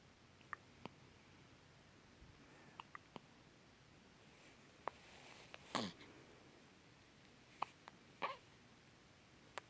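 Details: Hiccups: sharp, brief, irregular clicks about every few seconds over quiet room noise, with a couple of longer bursts.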